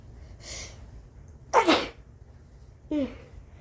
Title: Blowing my nose, sneezing and coughing. This actually hurt my nose and throat, to be honest...🤧🥺💔😫